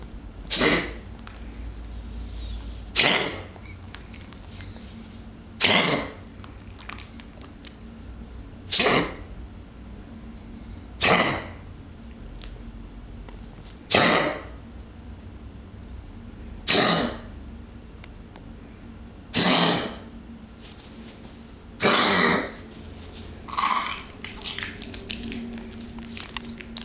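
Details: A dog gives about ten short, sharp, harsh coughs, spaced a few seconds apart, in a quiet room; cough.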